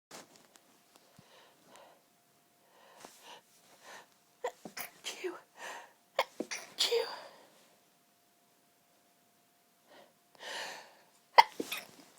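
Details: Allergy-related stifled and half-stifled sneezes with quick catching breaths, false starts and build-ups from a sensitive, tickling nose.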